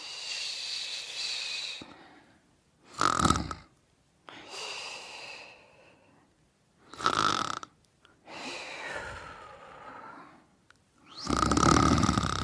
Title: Sleeping & Snoring Part 2